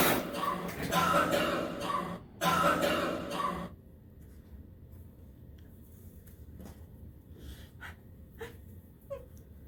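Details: An adult coughing in a radio station office: two loud, harsh, voiced, forceful coughing bursts in a small room, followed by quiet room noise and faint movement.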